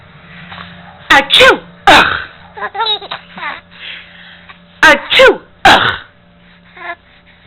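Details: Simulated sneezing: an adult's loud, sharp fake sneezes, about four bursts in two pairs, each followed by "ugh", with a 4-month-old infant giggling between them in a quiet room.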